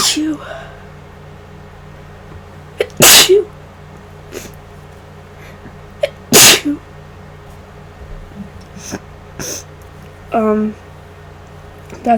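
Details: Induced sneezes from a person sick for about five days, worsening daily, on the first day of nasal congestion, unsure whether flu or cold: two loud explosive sneezes with quieter sniffs and breaths between, in a quiet room.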